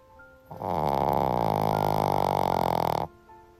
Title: Shih Tzu’s Snoring Sounds Like Sawing Logs 🪚🪵 🤣 #shorts #shihtzu